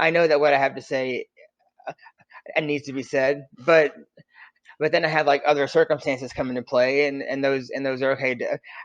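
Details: Real stuttering in an adult man who stutters; stuttering.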